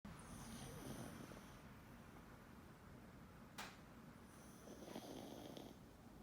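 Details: Sleeping pug snoring quietly, with two breathy, hissing snore phases against low room noise; snoring.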